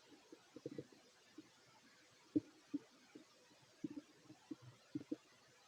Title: [REQUEST] Fit male stomach growls while eating 😋 (Part 2)